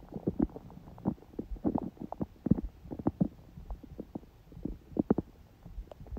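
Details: Adult's own stomach after a smoothie breakfast and salad, on a day the stomach stayed mostly quiet: soft, irregular gurgles and low rumbles, ordinary bowel sounds of digestion.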